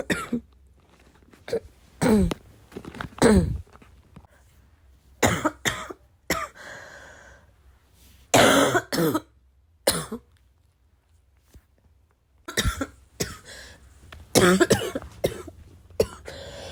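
Repeated coughs, single and in small clusters, some harsh with throat clearing, spread over about seventeen seconds in a quiet room.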